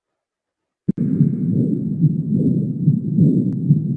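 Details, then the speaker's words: Aortic regurgitation: steady, low-pitched whooshing diastolic decrescendo murmur with indistinct beats, heard at the aortic focus and louder at Erb's point. "Por ello recuerda donde se escucha más la insuficiencia aórtica en foco aórtico en diástole vamos a escucharlo"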